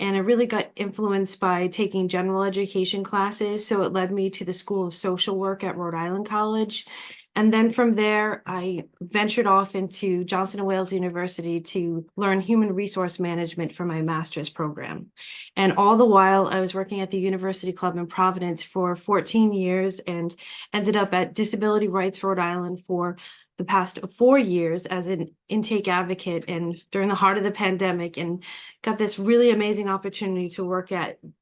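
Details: Adult woman speaking; normal speech.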